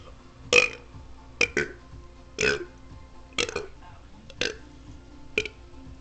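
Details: A man deliberately burps the alphabet in reply to viewer requests: seven short voiced burps in a row, each shaped like a spoken letter, with faint music in the background. Voluntary burping.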